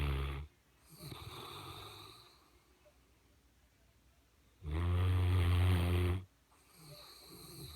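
Loud, low rumbling snore on an in-breath, with quieter breaths between; ordinary snoring in a sleeping large dog.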